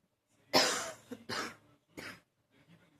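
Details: Three dry, harsh coughs in quick succession, the first loudest, followed by faint breathing; candid coughing during an allergy flare-up.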